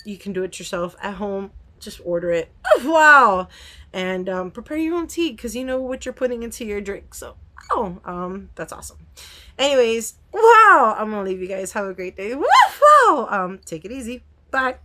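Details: Adult woman with Tourette syndrome whose tics are getting much worse, with repeated vocal interjections; she has not yet started her new medication. Vocal tics (Tourette syndrome).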